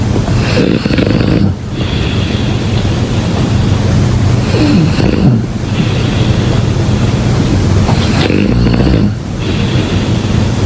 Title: #snoring #snoringasmr #sleepnoises #snoringsleepingsoundeffect #snoringsounds